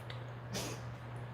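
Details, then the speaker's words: A pet dog gives a single short, sharp sneeze over a steady low room hum; the owner says the dog sneezed and coughed. "so um what is going on she's okay she sneezed and coughed"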